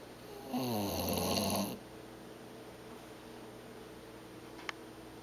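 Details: One long, loud, vibrating snore, then quiet breathing with steady room hum, from a sleeping bulldog or cat recorded together; snoring.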